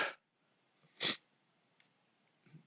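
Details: A sneeze interrupting an adult's spoken monologue.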